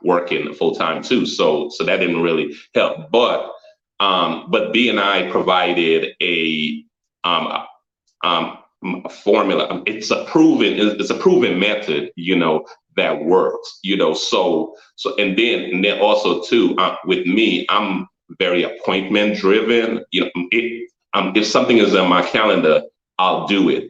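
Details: Stuttering in an adult man, a photographer and former engineer; repetitions of words and frequent fillers.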